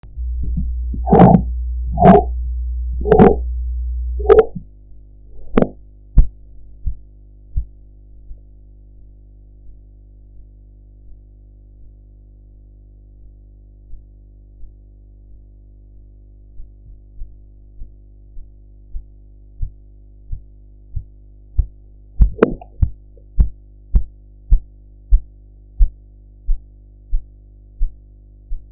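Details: Blood pressure practice recording with a sphygmomanometer and enhanced audio: cuff inflation noise, a quiet pause, then faint regular Korotkoff taps that grow louder as the cuff deflates.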